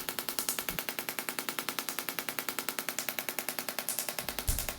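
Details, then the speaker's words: Extracorporeal shockwave therapy device firing rapid, regular sharp clicking pulses, about 200 a minute, over the shoulder of a male patient with chronic rotator cuff tendinosis, to stimulate a healing response. "as we continue to do the shock wave treatment into the area you'll start to see some redness develop and that's bringing in some blood flow to the superficial muscles"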